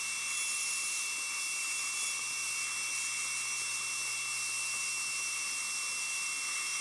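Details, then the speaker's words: Steady high-pitched whine of a dental high-speed drill cutting a tooth for a conventional crown preparation, axial and gingival reduction before occlusal reduction, in a patient with periodontal history. "now if you notice I've not done any occlusal reduction I'm going to do as much with this Burr at one time as I can"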